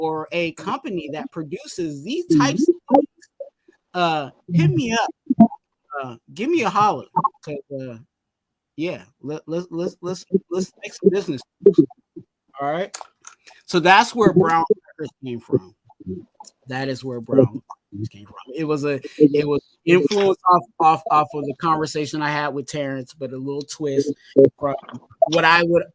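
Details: Adult male whose stuttering was severe in childhood and is now milder but still present; stuttering.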